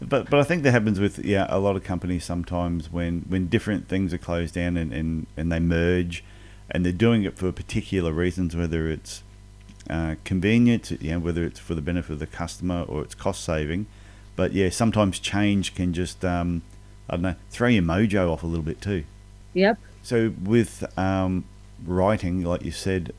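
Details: Adult male speaker; normal speech.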